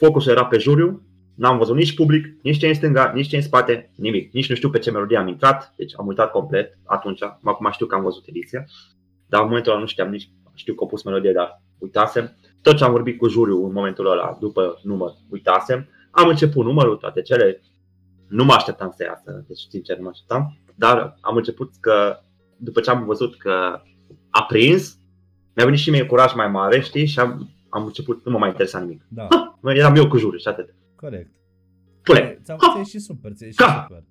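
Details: Adult man with Tourette syndrome, a comedian who performs on stage, speaking in a Romanian podcast interview with recurrent vocal tics such as 'psi', 'psam' and 'pa pa pa' interrupting his speech; vocal tics (Tourette syndrome).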